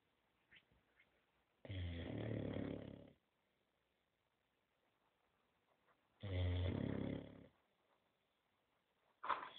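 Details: 9-month-old male Boxer dog asleep: deep, rumbling, fluttering breaths about every four to five seconds, with silence between; snoring.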